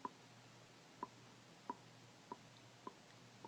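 Five short, sharp clicks about 0.6 seconds apart against quiet room noise: a temporomandibular joint click with repeated jaw opening.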